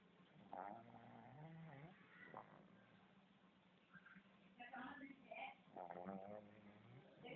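Snorting, rattling breaths with wheezy, squeaky notes in a quiet room; noisy snoring typical of a flat-faced dog.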